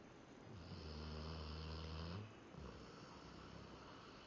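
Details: One steady, low buzzing snore on the in-breath lasting about two seconds, then a quiet out-breath, from someone sleeping on a couch.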